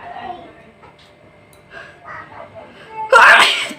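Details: A single sneeze: brief quiet inhaling sounds, then one sudden loud burst of air, recorded as a nose sneezing challenge.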